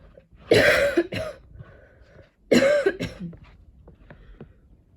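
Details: Lingering cough that won't clear, with heavy breathing and throat tickles, while studying; two bursts of harsh coughing, each followed by a shorter cough, quiet between.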